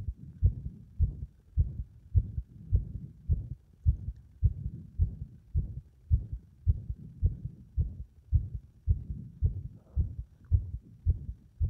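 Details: Heartbeat at about 107 a minute with uneven spacing between beats: the heart becomes unstable and irregular under compression.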